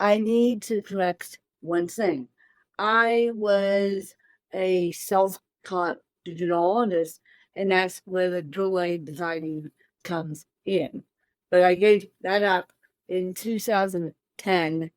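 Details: Adult woman with cerebral palsy since birth, born 13 weeks premature at one pound thirteen ounces, speaking in a real interview; dysarthria (cerebral palsy).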